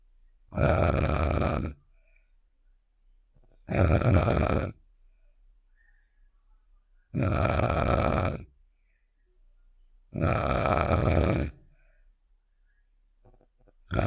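Loud, rough, rattling snores repeating about every three seconds with quiet gaps between; a cartoon snoring sound effect.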